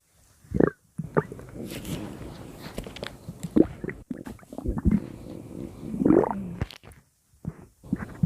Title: Hungry Stomach Growling @JewlyanaHoltFunDay